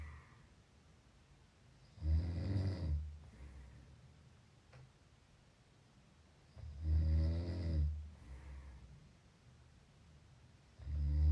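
Three deep, low rumbling snores on the in-breath with quiet pauses between, roughly 15 breaths a minute; ordinary snoring.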